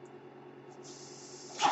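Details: Mechanical ventilator heard while the user speaks: a steady low machine hum, then a soft rising hiss of airflow ending in a louder puff as a breath is delivered.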